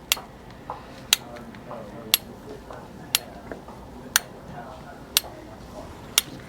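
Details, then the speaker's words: Shockwave intravascular lithotripsy (IVL) balloon in a lab demonstration, held in the hand: seven sharp, evenly spaced cracks about once a second over quiet room noise, the IVL balloon firing its pulses. "so the good thing about this shockwave is it only attacks the solid bits and not the tissue"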